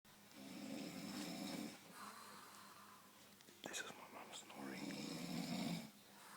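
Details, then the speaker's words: Mother snoring in sleep: two long, buzzing snoring breaths with a faint click and rustle between them. "Guess what? Guess what? I recorded you snoring and you're going on YouTube now."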